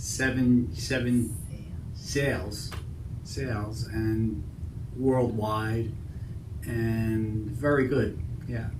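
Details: Male stroke survivor, seven years after his stroke, with intact comprehension but severe word-finding difficulty affecting almost all words. His speech is broken apart, with many fillers, repeated words and a failed number word. Finding: Broca's (non-fluent) aphasia.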